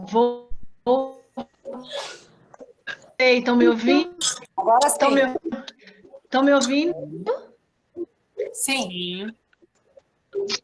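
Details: Aphasia after stroke in a 40-year-old man, two and a half years post-onset, initially totally mute, still with word-finding, writing, reading and number difficulties; aphasia.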